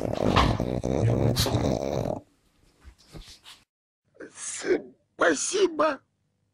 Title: grunting pug